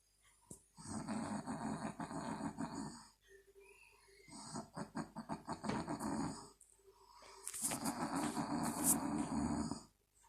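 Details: Adult woman (mum) asleep: loud, rough, rattling snores in long bursts separated by quiet pauses, two minutes of snoring before she wakes up; snoring.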